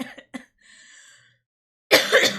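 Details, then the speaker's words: Cough in an adult woman who is ill with a circulating bug and describes the cough as constant: a few short throaty bursts and a faint breath, then a loud, harsh cough after a pause. "And then you can hear it in my coughing. That is constant. That is constant."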